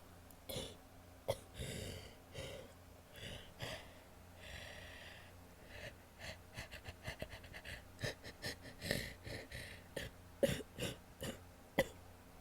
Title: wet coughs (f)